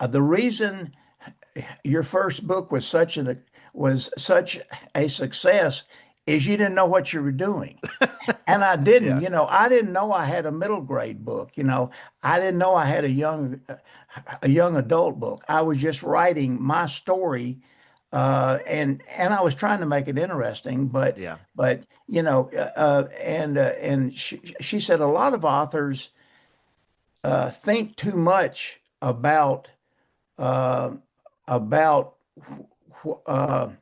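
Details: Persistent stuttering in an adult male author who says he still stutters, mainly blocks and bad airflow with some repetitions and prolongations.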